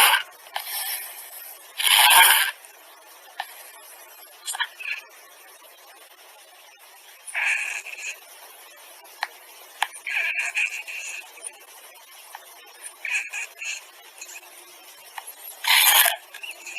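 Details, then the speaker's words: Child with obstructive sleep apnoea during sleep: soft, irregular snorting breaths, not typical or loud, separated by silent gaps of several seconds that can be dangerous. "this is the story not as typical or loud at all and there are periods of silence which can be dangerous"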